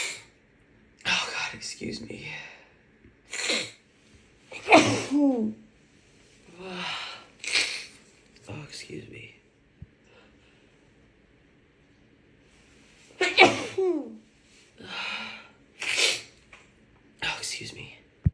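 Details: Woman with a bad cold: series of forceful sneezes, each with a sharp in-breath and voiced cry, in a quiet room; repeated sneezing.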